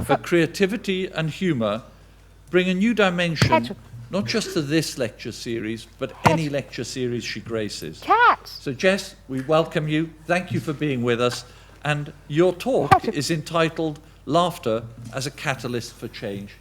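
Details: Adult male speaker; Normal speech.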